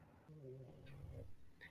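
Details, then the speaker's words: Pet snoring in the background during speech. "hi Aries um okay so well first if you hear the snoring it's my plug sorry about that"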